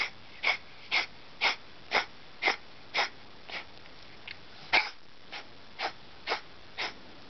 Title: Coughing